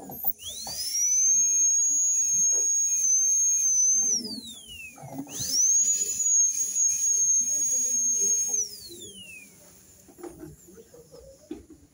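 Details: High-speed dental drill shaping a tooth for a veneer in a diastema case, around the change to an extra-fine bur: two bursts of piercing high whine that rise, hold steady, then fall away.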